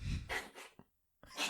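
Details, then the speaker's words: Cat gives a run of harsh, noisy, forceful coughs, a brief pause, then another burst; a coughing fit likened to an old man hawking up a lung. "That's just the sound of my cat. Coughing fit. >> We'll find out. It sounds like an old man hawking up a lung."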